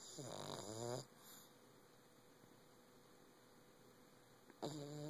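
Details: A sleeping pug gives a loud rattling snore at the start and again near the end, with quiet breathing between. Snoring from a flat-faced dog.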